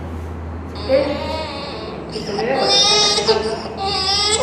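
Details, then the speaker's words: Inspiratory stridor in an infant, starting at birth or within 24 hours of birth, in a neonatal patient; teaching recording on pediatric stridor. "Este es un estridor inspiratorio que comienza en el nacimiento no 24 horas el nacimiento y tiene algo un"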